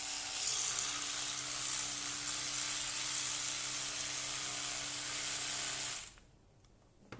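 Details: Electric toothbrush (Oral-B) running in the mouth with toothpaste during a brushing demonstration: a steady high buzzing hiss for about six seconds, then it stops.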